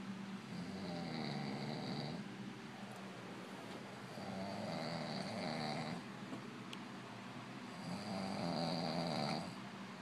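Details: Man snoring in his sleep: steady, rumbling snores with each breath, roughly every three to four seconds.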